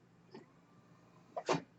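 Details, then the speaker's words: A person who uses a ventilator speaks while it runs: a steady low hum with a soft puff, then a louder airy whoosh as a home mechanical ventilator delivers a breath. "name is that noise you're hearing is my ventilator and I'd like to welcome you to page turners"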